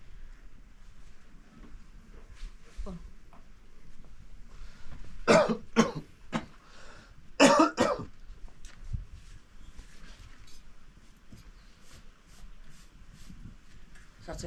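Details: Man with a persistent cough, later seen by a doctor who prescribed medicine: two clusters of harsh coughs, about five bursts in all, among quieter throat sounds and room noise.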